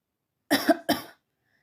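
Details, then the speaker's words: Girl in a class trying to suppress repeated coughing after drinking water, in a comedic 'relatable' short: cough. "यह क्या हो रहा तो मैंने पानी भी पी लिया नहीं नहीं तू नहीं खास सकती है"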